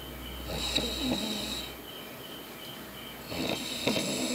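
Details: Coarse, rattling snoring from a sleeping person, two snores about three seconds apart over a steady high-pitched background whine.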